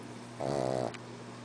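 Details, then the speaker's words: Stanley, a pug, snoring while asleep. "Stanley. He's still snoring."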